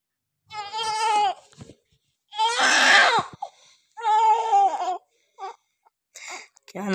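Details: Strong, high-pitched cries in bursts with pauses for breath from a newborn baby girl just after a normal delivery; a normal first cry as the baby starts breathing on her own.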